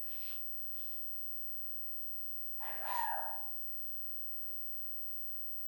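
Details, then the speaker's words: Single loud, sharp adult sneeze from the speaker's wife, heard at a distance in a quiet room during a beginner's qigong class. "That was my wife sneezing. I'm sure you heard that."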